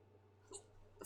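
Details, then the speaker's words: A streamer who had hiccups for half the stream, enough to cause a headache, hiccups into a glass: a single sharp, brief involuntary hiccup over a steady low background hum. "god I've got the old hiccup headache where i hiccup so much then it was me a headache that sound by the way it was me hiccuping into my glass like a threw owl"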